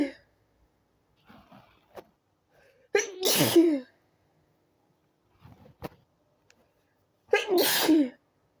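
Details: Person in bed trying to sleep, fit began after turning onto other side; two loud sneezes seconds apart, each preceded by soft breaths and small catches: sneezing.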